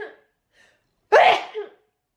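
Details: Young woman sneezing while cooking in the morning: a single sharp, explosive sneeze after a short quiet pause; sneeze.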